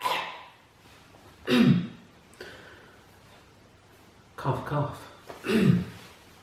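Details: Adult nonsmoker from a family of smokers, at Christmas: several loud, harsh coughs in bursts with pauses between, in a small quiet room; repeated coughing.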